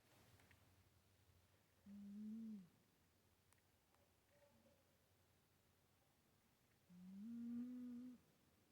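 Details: A sleeping cat near a Christmas tree gives two quiet, humming, slightly whistling snores about five seconds apart over a faint room hiss: snoring.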